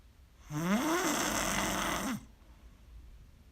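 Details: Very loud snoring during sleep: one loud, rough, rattling breath of about a second and a half, then quiet room noise; a single heavy snore.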